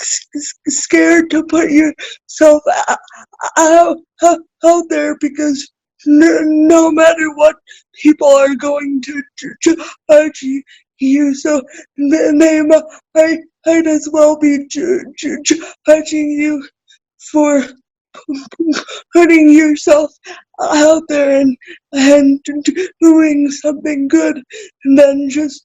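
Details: Adult woman with cerebral palsy who describes herself as spastic, speaking in a real, unacted podcast interview: dysarthria.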